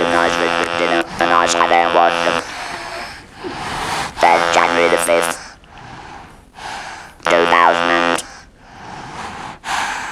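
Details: Electrolarynx speech after total laryngectomy, followed by radiotherapy, for laryngeal squamous cell carcinoma in a real adult male patient; the buzzing voice is consistent with an artificial larynx (electrolarynx).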